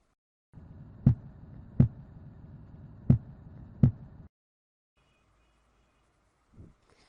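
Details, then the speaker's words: Normal heart sounds in a teaching session on heart murmurs: S1 from closure of the mitral and tricuspid valves and S2 from closure of the aortic and pulmonary valves, heard as "lub-dub". "ومسد الصمام الابهر والصمام الراوي حيعطي الاس ت والصوت يصير لب دب او دب"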